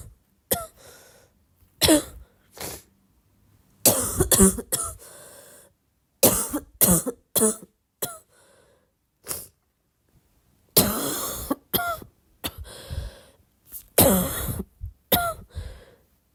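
About fifteen harsh coughs, some single and some in short runs, with throat clearing between them.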